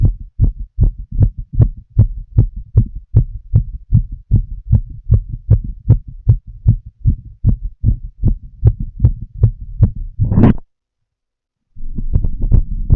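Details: Adult female smoking a cigarette, full heart auscultation through a stethoscope: steady, rapid low thumps at about 150 a minute with a brief rustle and pause near the end; fast heartbeat.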